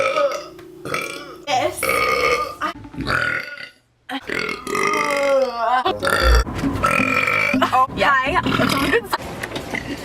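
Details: Compilation of a woman's burps: loud, long voiced belches one after another with brief talk and some music between; repeated burping.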